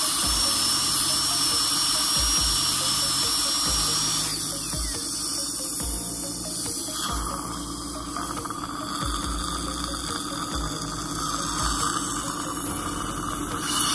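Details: Dental drill on the lower right second molar during a filling ("dental pasta"): steady high-pitched whine with water spray and suction hiss, music behind, drilling out decay.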